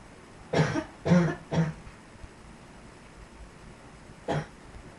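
Three quick harsh coughs, then a fourth after a pause, from a dog in a quiet room.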